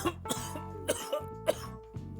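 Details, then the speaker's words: Person sick since Tuesday, now mainly sinus symptoms, reporting chest hurting with the cough: several short, sharp coughs in quick succession over background music; repeated cough. "Ignore the cough. I'm almost better. I promise."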